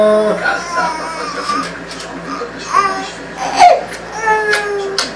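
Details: An infant cries in several short, wavering bursts while the father sings a Luan Santana song nearby.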